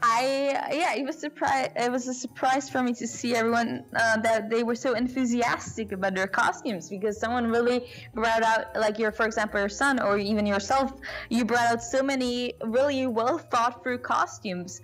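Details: Adult woman speaking; Normal voice.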